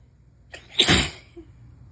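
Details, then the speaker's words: Single loud, explosive, hissing sneeze after a quick inward breath, trailing off, in an adult with a new cold during a sneezing fit after a temperature drop; messy sneezes, feels like a cold not allergies. "I'm out of tissue, so I'm wetting a paper towel to make it a little bit softer. Oh no, I'm gonna sneeze. Fuck."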